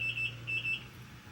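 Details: IV infusion pump alarm in a mother after her third C-section birth at 37 weeks: repeated high-pitched beeps over room hum, triggered when she bends the arm with the IV, although fluids are still flowing.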